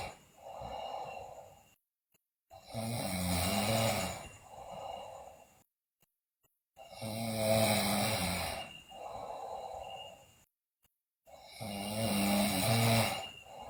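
Loud, regular, rattling snores about 13 a minute, each with a quieter out-breath, separated by brief silences.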